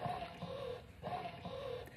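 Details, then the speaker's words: Electric breast pump turned to maximum strength, worn by an adult man as a challenge: rhythmic whirring hum rising and falling about twice a second; he says it is uncomfortable rather than painful. "you hear how hard the machine's working it's uncomfortable i can't say pain i can just say i don't want to do this"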